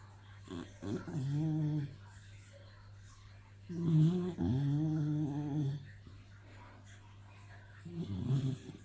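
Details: Sleeping puppy snoring: three long, loud, buzzy snores with a slightly tonal, groaning quality and quiet pauses between them.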